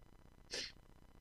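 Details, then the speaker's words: Adult with a cold during an online meeting: a single sharp sneeze bursts out briefly against low room hum. "Hi. Uh, sorry, I'm still working on a pretty decent cold, so I'm going to keep my camera off."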